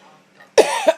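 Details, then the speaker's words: A single harsh, loud cough with a brief second push at its end from a sleep-deprived person with an ongoing unchecked cough; they say it sounds like whooping cough but is not. "okay that totally sounds like whooping cough that sounds like whooping cough all right but it's not I promise"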